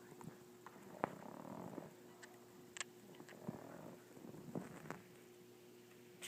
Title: Adorable snoring pug